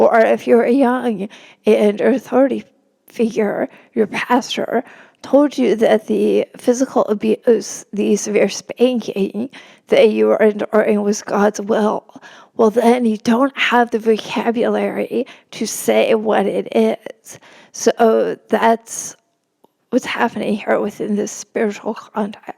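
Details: Woman, a religion reporter, who has spasmodic dysphonia; spasmodic dysphonia.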